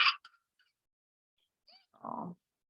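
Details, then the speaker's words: Whooping cough (pertussis): a sharp cough burst, a pause, then a harsh, crowing inspiratory whoop. "i've got a little sound clip to make you guys there we go this is what this is what a whoop sounds like"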